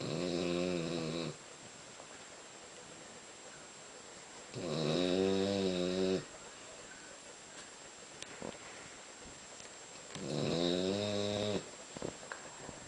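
Three slow, buzzing snores about five seconds apart over a faint steady hum. Snoring during sleep.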